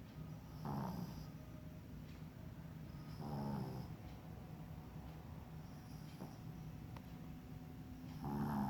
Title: Panda snoring at Acupuncture